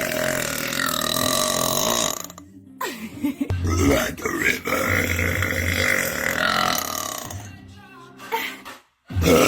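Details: Long, loud, drawn-out voiced belches from a woman, with a gap between them and faint background music; deliberate burping.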